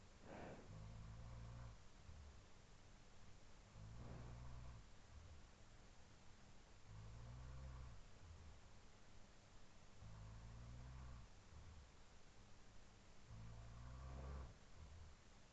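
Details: Adult housemate snoring during sleep, recorded around 4:17–4:20 AM, looped: low, rumbling snores about every three seconds, roughly 20 a minute, over steady room hiss, alongside quieter sleep breathing.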